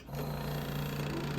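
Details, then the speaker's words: Radial shockwave therapy device charging for treatment of a rare ruptured supraspinatus (rotator cuff) muscle in a woman's shoulder: steady buzzing hum as the compressor kicks on; shockwave therapy device compressor. "so um so we're going to do is we're going to go ahead and charge this and you're going to hear this compressor kick on"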